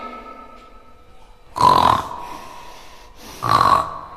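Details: A snore imitated by an English teacher demonstrating sounds: two loud, rough snorting breaths about two seconds apart over faint background music.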